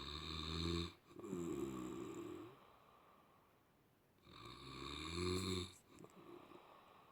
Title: HORLAMA SESİ - SNORE LOUDLY #horlama sesi #snoreloudly #uykuapnesi